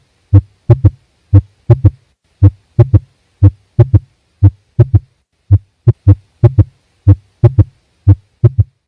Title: RUIDOS CARDIACOS